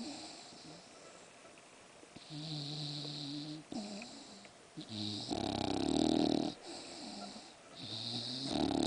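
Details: English bulldog snoring: loud, repeated rough, rattling breaths, some with a nasal, tonal whine on the intake.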